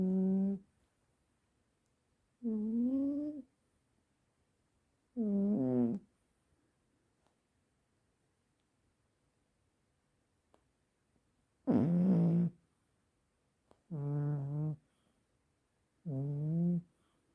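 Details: Snoring in a sleeping, dreaming cat: six short, tuneful, humming snores on regular breaths, about five per minute, with silent pauses between them.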